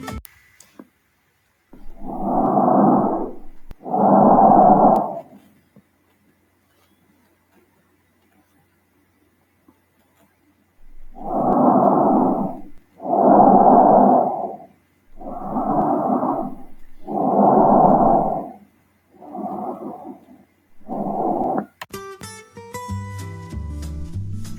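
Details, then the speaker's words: Stethoscope on the anterior base of the neck over the trachea: loud, harsh, hollow inspiratory and expiratory sounds split by a short silence, normal bronchial (tracheal) breath sounds, also called harsh breathing. "os bronquiales colocaremos el efectos como en la cara anterior de la base del cuello sobre la tráquea podemos percibir un componente inspiratorio y un conforme ente expiatorio separados por un corto silencio este ruido también se le conoce como el ruido rudo"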